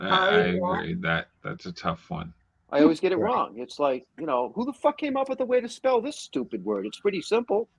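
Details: Adult speech, possibly two speakers in conversation; speech.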